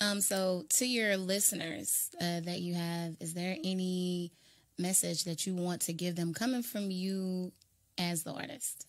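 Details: Adult speaker, interview; Normal speech.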